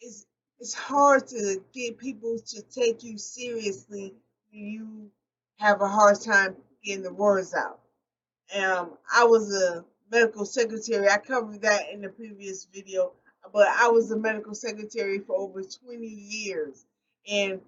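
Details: Post-stroke aphasia in an adult woman, a stroke survivor speaking unscripted and not always correcting her own errors; aphasia.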